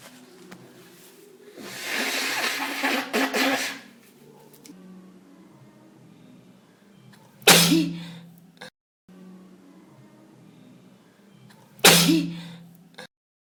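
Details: Person sneezing on the third day of illness, feeling terrible: a breathy intake followed by two sharp, explosive sneezes a few seconds apart, with faint background noise; repeated sneezing.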